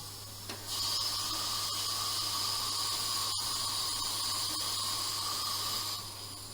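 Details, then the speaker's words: Flapless immediate anterior implant surgery, tooth 12, with 15-degree lingual pin guide: steady high-pitched whine about five seconds over faint room hiss as the pilot drill starts drilling bone; dental implant drill. "so now um i guess he's i'm trying to drill on the bone and it always starts with pilot drill as usual"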